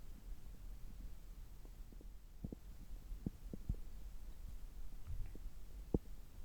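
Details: Abdominal bowel sounds recorded with a stethoscope about three hours after a meal, when the gut is active: irregular soft gurgles and clicks over a low hum, normal active gut activity.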